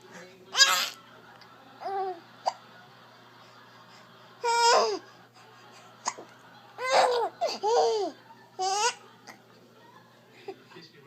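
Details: An infant's short laughing, babbling bursts broken by sudden sharp catches of breath: hiccups coming between the laughs.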